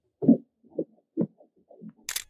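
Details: Early first-trimester pregnancy ultrasound: rhythmic pulsing beats near 120 a minute, an early fetal heartbeat confirming viability of an intrauterine pregnancy.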